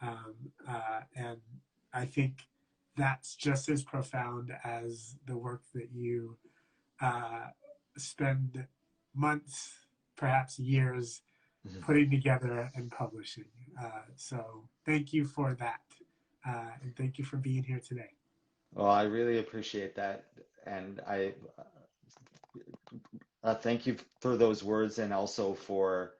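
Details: Adult man who stutters, speaking in a live conversation for International Stuttering Awareness Day; stuttering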